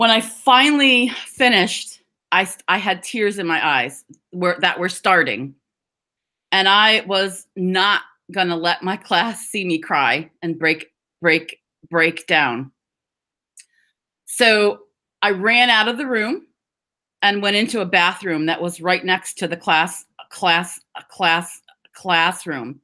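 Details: Adult woman who stutters (stammers), speaking English in an awareness talk, with word and part-word repetitions; stuttering.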